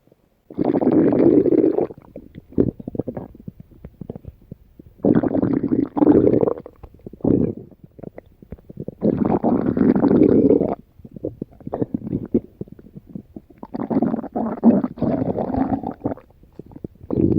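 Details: Stomach growling (borborygmi): loud, prolonged rolling gurgles in long bursts with brief pauses.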